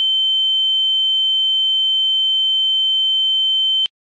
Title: Ear ringing sound